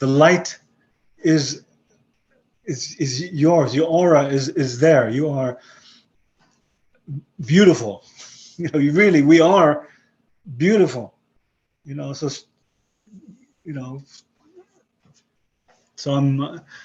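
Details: 62-year-old man with non-fluent aphasia following a stroke about 11 years earlier; he retains broken English and Hebrew but lost his other languages; non-fluent aphasia.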